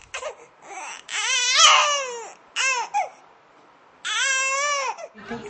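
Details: Repeated loud, high-pitched wailing cries from an infant, separated by short pauses and gasping breaths, in a small room, in a music-therapy discussion.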